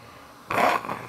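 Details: Ventilator-weaning patient with a tracheostomy, on Vapotherm trach mask trial in long-term acute care, asked to cough: a single forceful wet cough with rattling, gurgling airway secretions; suctioned afterwards.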